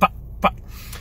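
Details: Adult male stand-up comedian with Tourette syndrome whose tics are worse after caffeine: two abrupt, brief voiced yelps half a second apart, simple vocal tics.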